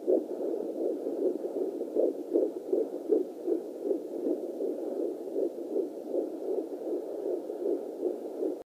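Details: Fetal Doppler at 14 weeks 6 days of pregnancy; fast, regular whooshing pulses about 150/min through Doppler hiss, with weird noises queried; fetal heartbeat within normal range.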